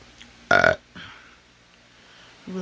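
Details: An adult who has the hiccups, under the influence of alcohol, burps to try to cure them: a single short, loud burp in a quiet room, followed by faint breathing.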